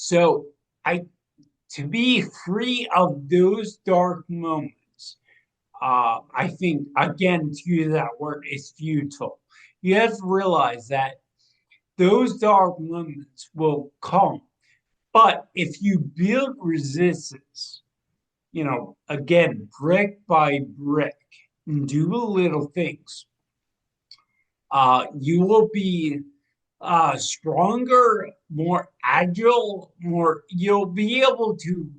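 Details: 45-year-old man with degenerative ataxia and cerebral atrophy, diagnosed in 2013 or 2014, affecting movement, balance and speech. His speech has been changing since about 2020 as the disease progresses. Ataxic dysarthria.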